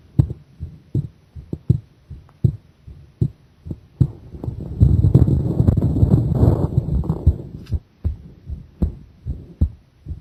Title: Pressure and breath-hold heart sound !